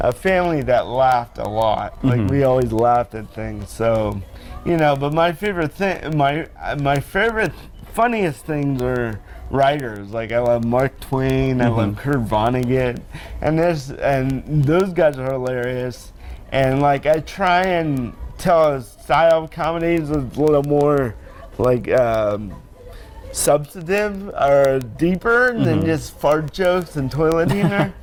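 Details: Adult man born with cerebral palsy, self-described as very mild, with reduced balance and strength, attributed to damage in the brain area controlling muscles; mild dysarthria (cerebral palsy).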